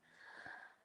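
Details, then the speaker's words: Dog snoring while asleep in a bed over a heat pad: a single soft, whistling nasal snore with a faint wheezy tone. "So there's the heated bed on the shelf, and then directly under where Amira is snoring right now is a heat pad, and then their bed over the top, and that's where Amira is."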